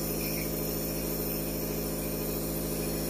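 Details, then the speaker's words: Nebulizer compressor switched on for a shelter animal's breathing treatment, given two to three times daily for five to ten minutes and probably needed lifelong: a steady mechanical hum and buzz. "let's go ahead and get started I'll just turn the nebulizer on"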